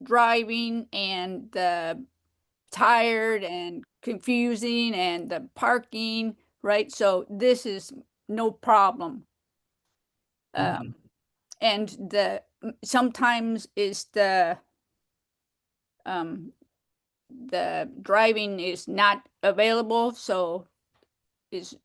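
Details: Woman with aphasia, described as having trouble expressing herself and a long-time member of aphasia groups, speaking on a virtual aphasia conference panel; finding: aphasia.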